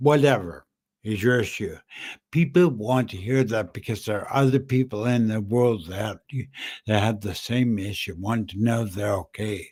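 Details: Adult man with dysarthria after a stroke in September 2015; the stroke also caused aphasia and short-term memory loss. He reports that he speaks funny and that people think he is drunk.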